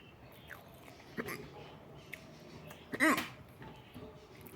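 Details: A faint catch, then one louder abrupt voiced gulp over quiet room noise; a hiccup.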